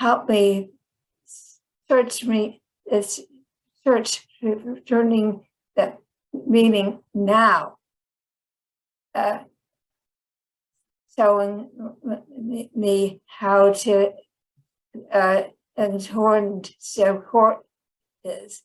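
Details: Chronic post-stroke aphasia in a woman; a 2010 stroke initially left her unable to speak and she relearned speech.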